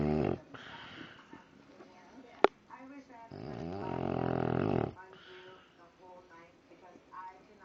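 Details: An adult woman snoring: a loud, rattling snore on one long breath among softer breathing noises and room sounds; ordinary snoring.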